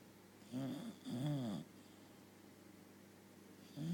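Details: British bulldog snoring in sleep, two short rattling snores in quick succession, then a pause and the start of another; loud snoring of a short-nosed dog.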